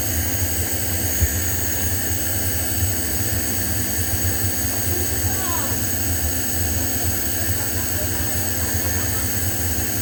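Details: Omron compressor nebulizer running during a home demonstration: a steady low mechanical hum and buzz as medication mist is delivered through a mouthpiece to an adult with bronchitis and asthma.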